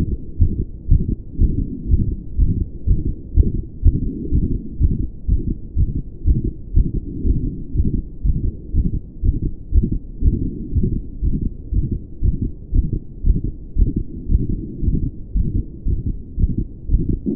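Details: Male heart recorded at the pulmonic area during a couple of pushes: fast, somewhat uneven beat about 120 a minute with muffled extra sounds between beats, especially after releasing each breath; uncertain murmur or split.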